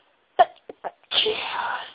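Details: A few short catching breaths, then a single loud sneeze with a trailing hiss after a long teasing build-up.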